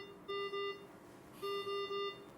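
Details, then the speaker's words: Repeated electronic alarm tones in two groups with quiet between them in an ICU: a ventilator high-pressure alarm during a female patient's lung recruitment manoeuvre, with PEEP raised from about 10.9 toward 29 cmH2O so peak pressure exceeded the set alarm limit. "nous voyons maintenant que l'alarmé s'est déclenchée la raison en est que notre pression de crête défini était un peu trop haute pour la valeur d'alarmé réglé"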